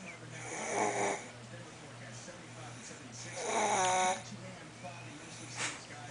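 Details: Snoring.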